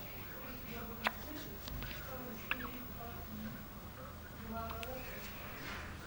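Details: Hiccups from 9-day-old boy-girl twins born at 36+4 weeks: two sharp, abrupt hiccup sounds about 1.5 seconds apart over soft background voices and room noise.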